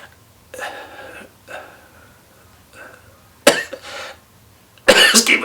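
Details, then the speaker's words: Deliberate productive cough in respiratory therapy: a big inhale is held to let mucus collect, then a powerful, long abdominal cough exhale with an "s" sound expels phlegm and mucus. Productive cough. "the longer I hold that big inhale the more time I have the mucus to collect so that when I do the cough the big exhale then I can cough it it out so you'll see me get my air I'm letting that mucus collect and then I do the big cough"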